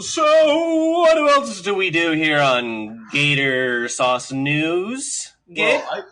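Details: Speech of a man with cerebral palsy (dysarthria); he says he does not have a stutter.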